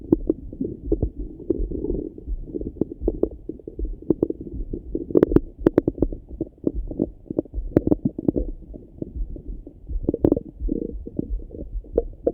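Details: Morning stomach rumbling over the abdomen: continuous low gurgling and bubbling with frequent short pops; active bowel sounds (borborygmi).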